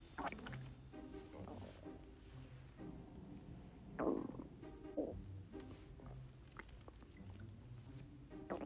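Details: Stomach growling (borborygmi) from a woman.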